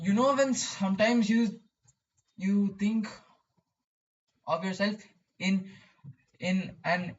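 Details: Male who describes his own stuttering; stuttering.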